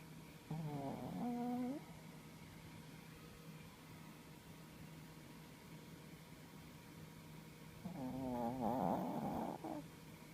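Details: Two drawn-out, tonal, rattling breaths separated by a quiet pause, consistent with an animal snoring during sleep; snoring.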